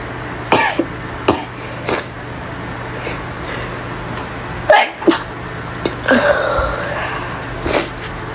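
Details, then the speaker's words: Adult in a small bathroom during a powerful sneezing fit, with some coughing: several short, explosive sneezes over a steady background hum. "so oh God they're really powerful lost it again sorry about my coughing"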